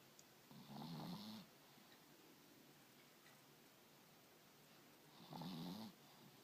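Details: Chihuahua sleeping: two soft, fluttering nasal snores about four seconds apart, with quiet breathing between; snoring.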